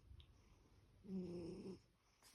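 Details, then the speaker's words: Pet named Snack Pack snoring while sleeping and dreaming: one soft, low, buzzing breath sound; a quiet snore. "Snack pack, roll over, you snoring."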